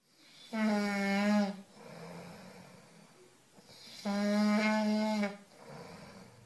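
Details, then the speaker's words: Human snoring: two loud rattling inspiratory snores, each followed by a quieter expiration, in a small room. "الشخير المشكله الاكثر شيوعا في العالم التي تؤرق الملايين من البشر ليس النائمين فقط بل ومن بجوارهم"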